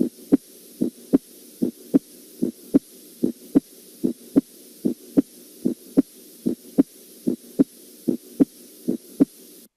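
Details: Regular paired lub-dub heart sounds at about 74 beats a minute: normal first and second heart sounds (S1 and S2), presented as a teaching recording for nursing students.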